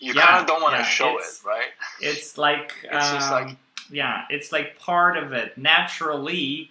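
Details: Adult male who stutters; he reports stuttering more when reading a script aloud than when speaking freely. Stuttering.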